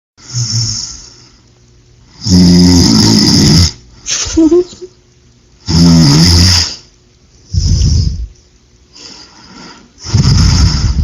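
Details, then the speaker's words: Person recorded while asleep snoring heavily, loud deep rattling snores roughly every three to four seconds with quieter breaths out between; snoring. "um you're about to witness the gnarliest snore you've ever heard in your life"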